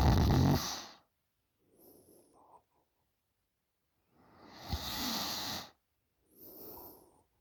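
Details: Loud snoring in a 20-year-old girl during sleep: rattling snores on breathing in alternating with softer breaths out, about two cycles in seven seconds.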